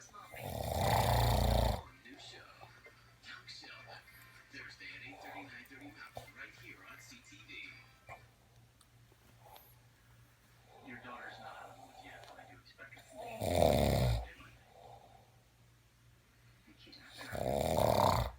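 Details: Adult man who claims he doesn't snore: three loud, harsh rattling snores on inhalation with softer breathing between, quiet background music; snoring.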